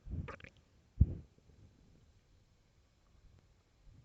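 Low gurgling rumbles, two louder bursts early then quiet bubbling. Ordinary stomach growling from gas and fluid moving through the gut.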